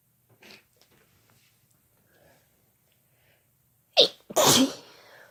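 Quiet room, then a sharp intake and two loud explosive sneeze bursts close together; ordinary sneezing.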